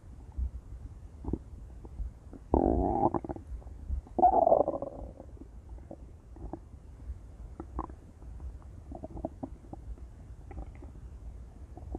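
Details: Intense stomach growling from a female: gurgling, rumbling growls, two louder bursts among softer bubbling sounds; ordinary active bowel sounds.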